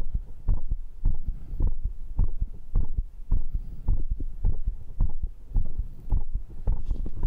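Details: Person's own heart after a workout circuit of arm curls, dips, abs and diagonal pull-ups, with heart rate reported at 122: regular, fast, deep thumps, a normal raised heart rate after exercise.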